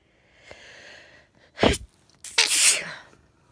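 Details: Adult sneezing just before bed while a 17-year-old cat purrs: a soft drawn-in breath, a short voiced burst, then a loud explosive hissing sneeze in a quiet room.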